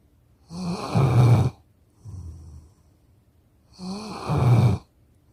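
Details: Puppy Cadbury, tired, lying against the owner on a couch, snoring loudly: two loud rumbling inspiratory snores, each followed by a softer breath out, about one cycle every three seconds; snoring.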